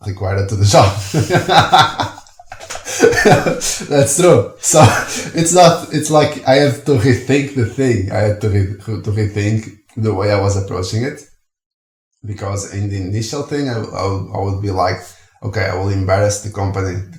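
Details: Stuttering in an adult man who stutters.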